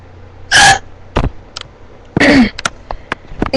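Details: Hiccups in someone who had them for about half an hour before recording and says they hurt in a spot; two sharp, abrupt voiced gasps about 1.7 seconds apart with faint room noise: hiccups.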